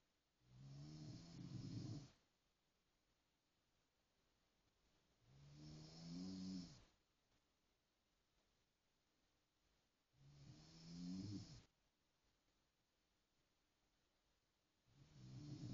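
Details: Snoring: regular, rattling snores with quiet pauses between them, about 13 breaths a minute.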